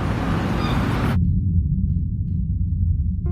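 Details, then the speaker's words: Film sound design in Sound of Metal simulating the drummer's onset of deafness: outdoor traffic ambience cuts abruptly to a muffled, low, almost silent hum from his subjective point of view; hearing loss simulation. "But when we cut to inside the RV, we enter Ruben's subjective POA again, where it's almost silent as the town ambience becomes a mere quiet hum."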